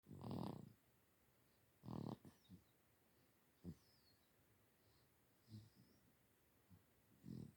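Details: Sleeping dog snoring: quiet, irregular snorting breaths with low rumbling snores.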